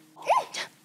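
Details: A soft, high-pitched voiced 'ah' then a brief hissy 'choo': a deliberately performed, cute fake sneeze for show, not a real sneeze.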